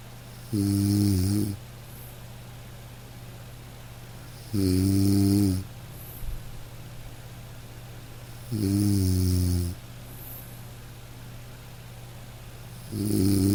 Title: Dog snoring - to fall asleep - light rain - black screen - nature sounds